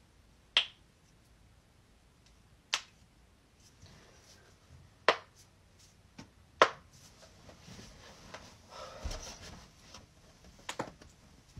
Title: joint cracking compilation